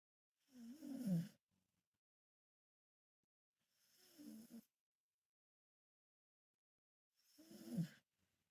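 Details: Mother dog sleeping on her back: three slow, rough, rumbling breaths with quiet gaps, about 21 breaths a minute; snoring.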